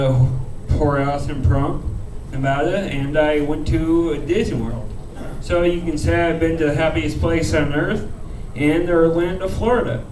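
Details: Adult male comedian with a rare disease he calls cerebral ataxia, which he says slows his speech; ataxic dysarthria.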